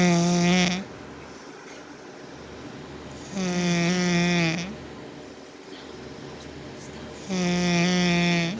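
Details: Mother snoring very loudly, likened to a bumblebee and a llama: loud, droning, tonal snores about every three to four seconds, roughly 18 breaths a minute, with quieter breathing between.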